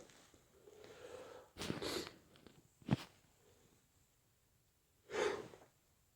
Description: was in the mood to sneeze but I'm staying with my parents for Christmas so I had to be quiet ish